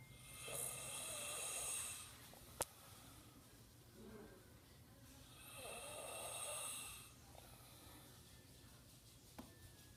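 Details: Older brother snoring loudly in sleep: two loud, rattling inspiratory snores about five seconds apart, near 12 breaths a minute; snoring.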